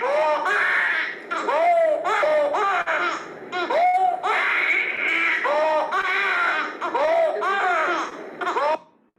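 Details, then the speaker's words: A newborn makes repeated high-pitched, squeaky tonal breath sounds blending with cry-like bursts; stridor from bilateral vocal cord paralysis. "Vieron que tiene, ese video no funciona, pero el paciente está comiendo cuando escucha el ruido. Es un ruido entrecortado, es un estridor de tipo inspiratorio."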